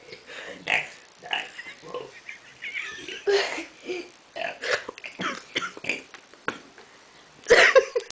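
A string of irregular throaty belches from a child, mixed with voice-like sounds in a small room; repeated burping.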